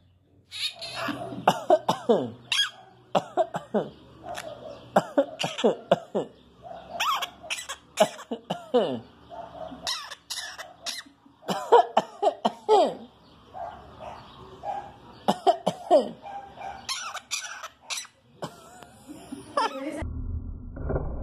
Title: Periquito Tosiendo/loro Con tos￼ 😂loroso remeda asu dueño￼/loro dice el nombre de Vicky/Vickylovers